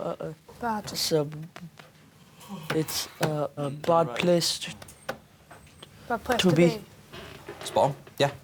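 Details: Year 11 male student with a severe stammer since childhood that worsens with anxiety and setbacks, speaking in class; stuttering.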